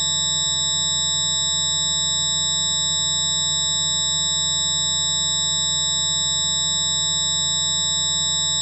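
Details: Simulated tinnitus, one sufferer's approximation of what they hear, likened to a jet engine revving in the left, right or both ears: constant high-pitched ringing tones over a low droning rumble.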